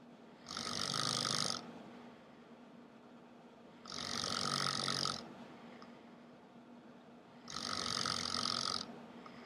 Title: atrocious snoring.